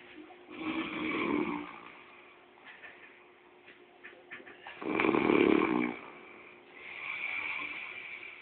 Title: Snoring chap.mp4